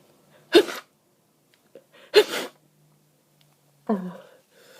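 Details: Three forceful, partly held-back sneezes about two seconds apart, each preceded by a quiet in-breath, from someone with a snotty, stuffed-up cold who has been sneezing for 30 minutes: a stifled sneezing fit.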